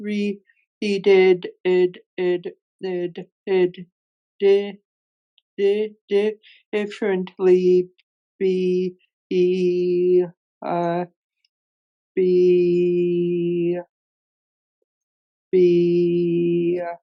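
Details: Real recording of an adult man who stutters, moderating a workplace webinar panel of people who stutter; stuttering.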